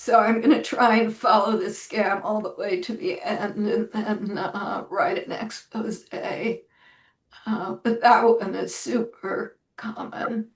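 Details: Adult woman with self-reported spasmodic dysphonia, which she says causes her voice to sound this way; severity varies day to day, and she describes this as not a particularly good day; spasmodic dysphonia.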